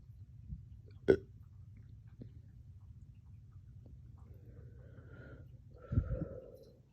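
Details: Painful hiccup-burps that hurt the chest, which began after a dog walk and drinking water too fast: one sharp hiccup-like catch, then short throaty burps; hiccups mixed with belching.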